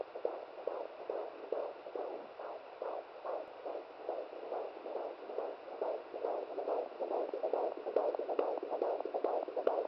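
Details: Rapid, regular whooshing fetal heartbeat at about 140 per minute, within the normal range, on a handheld fetal Doppler at 17 weeks of pregnancy, the mother's first recording. The baby keeps moving, so the signal varies.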